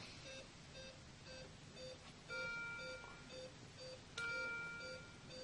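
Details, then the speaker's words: Laerdal touchscreen patient monitor in a simulation: repeating beeps change to a different alarm tone as simulated SpO2 drops below the set lower limit of 94, with a blinking signal and yellow bar; low SpO2 alarm. "patient has dropped below 94 so now we're getting a blinking signal here if you notice there's a difference in the sound and also a yellow bar indicating that your spo2 rating is low"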